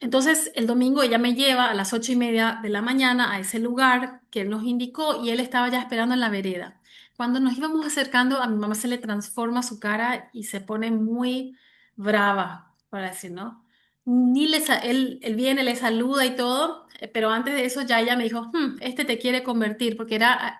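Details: Adult woman who has stuttered since age 6, when her parents divorced; severe in childhood, now mild (about 80% fluency) and cyclical, mainly blocks; word repetitions heard; stuttering.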